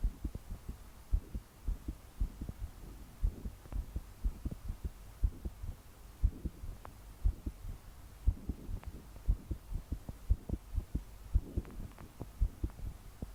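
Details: Strong, thudding heartbeat about 60 a minute with soft breathing and heavy rain behind, in a 22-year-old woman trying to calm her heart to sleep, body shaking with each beat despite deep breaths; pounding heartbeat.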